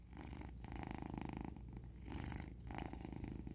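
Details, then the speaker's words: Happy cat heard through a stethoscope: loud, continuous rumbling purr that drowns out heart and lung sounds; purring on auscultation. "finally i mentioned purring so just for fun here is my super happy cat through a stethoscope"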